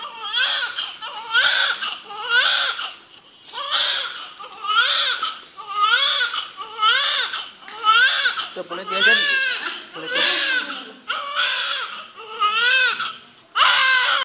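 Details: Newborn's first cries after birth, the parents' first child: rhythmic, strong, high-pitched crying in repeated bursts with short breaths between.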